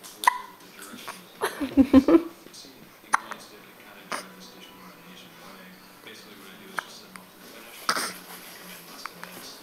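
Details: Recorded December 2009: a few short, abrupt gulping catches over faint music and room noise; hiccups.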